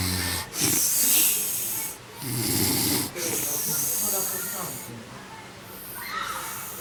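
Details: A father snoring: loud, rough breathing in repeated bursts with a rattling, snorting quality over a noisy background; snoring.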